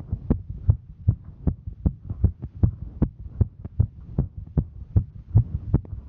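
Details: Female hiker during exertion; regular, rapid low thumps in pairs, about 150 beats a minute over a steady hum; fast normal heartbeat during exertion.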